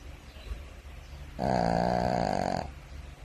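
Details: A single loud, buzzing, fluttering snore on one breath, rising out of quiet room noise and then fading; plain snoring.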